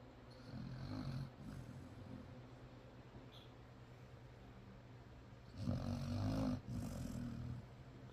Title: Does your dog snore louder then you?? #doglife #puppy